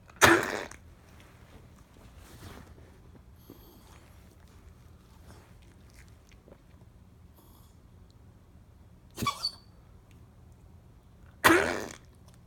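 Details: Dauber, with congestive heart failure: three or four short, harsh coughing bursts separated by quiet pauses, a cough due to congestive heart failure.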